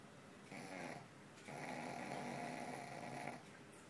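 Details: Overweight dog asleep: two rough, noisy sleep breaths, the second long and buzzing; snoring.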